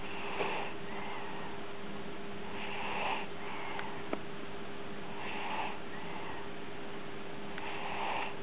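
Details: Light snoring: soft, regular breathing noises about every two and a half seconds, roughly 24 breaths a minute, over a steady background hum.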